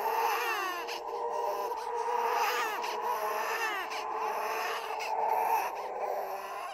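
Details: Simulated ghost baby crying from a horror sound-effect compilation: wailing, rising and falling infant-like cries over a steady eerie background; infant cry.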